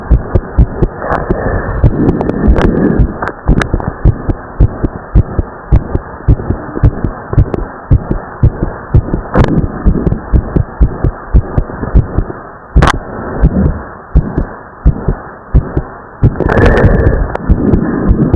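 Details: Teenage boy's heartbeat after pushing himself hard in exercise: fast, forceful beats with the second heart sound split into two close parts; split S2.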